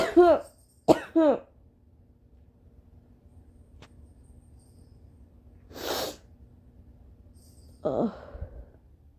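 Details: Violent, mostly uncovered coughs at 4:30 AM after a sleepless night, blamed on rain-triggered allergies, with gagging and near-vomiting: three loud harsh coughs in quick succession, a breathy gasp and a short strained throaty sound; coughing fit.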